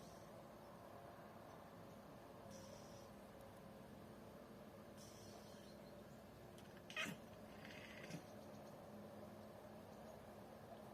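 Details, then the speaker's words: Cat (Barsik) snoring in its sleep; snoring. "Кот храпит, представляешь? Он храпит. Вот это да, он храпит."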